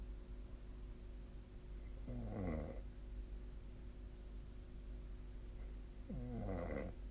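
Two vibrating, rattling breaths about four seconds apart over steady low room hum, fitting snoring during sleep.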